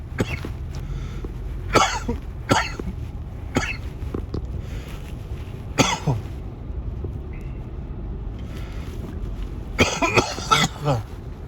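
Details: Adult coughing in the morning while vaping: about six sharp, separate dry coughs over several seconds with a steady low background rumble; repeated cough.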